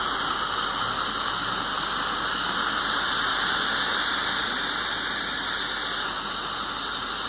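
Continuous high-pitched whine with steady hissing spray, the sound of ultrasonic scaling and air-polishing during a dental cleaning.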